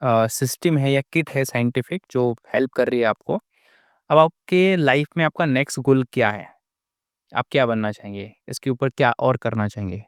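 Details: Adult male interviewer; normal fluent speech.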